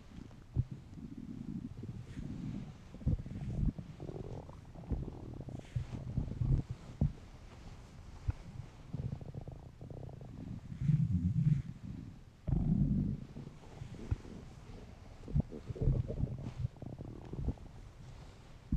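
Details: Adult man's hungry stomach: low, irregular gurgling and rumbling bursts throughout; ordinary hunger rumbling (borborygmi), a normal bowel sound.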